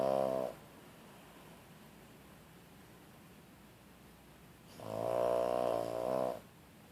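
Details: Loud, buzzing snores with long quiet gaps between breaths from a pet knocked out by a quarter Tramadol; heavy snoring under sedation.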